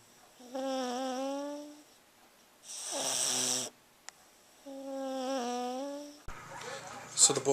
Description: Creepy wheelchair, Bella snores and beats me at a staring contest.